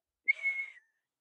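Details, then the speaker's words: Teacher's vocal imitation of wheezing during an anaphylaxis/EpiPen class: a brief high-pitched whistling exhale, illustrating wheeze from airway swelling as in asthma attack or anaphylaxis. "You guys know what wheezing sounds like? Super high pitched usually on the exhale. So, it's like a whistling exhale."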